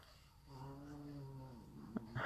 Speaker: Can you hear my dog snoring? Oh, lucky guy.